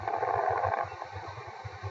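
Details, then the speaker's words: Late inspiratory fine crackles, described as occurring in heart failure and pulmonary oedema: soft breath sounds with a rapid series of brief crackling pops toward the end of inspiration. "causes of fine crackles pulmonary fibrosis and Pulmonary Oda this is the most common"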